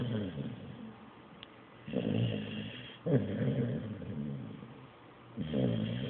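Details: Blue nose pit bull asleep after a long day: three loud, rough, fluttering snores, each followed by a quiet breath out, about 20 breaths a minute; snoring.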